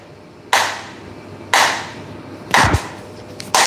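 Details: Extracorporeal shock wave lithotripsy of a kidney stone in a 41-year-old man on 22/6/2022: sharp, loud cracking pulses once a second, each fading quickly; shock waves.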